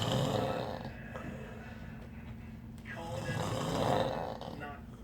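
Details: Pretty loud snoring: slow, rough, rumbling breaths in and out.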